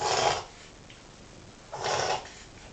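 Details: Reverse sneezing: two harsh, rasping snorting breaths pulled in through the nose, consistent with a dog's reverse sneezing.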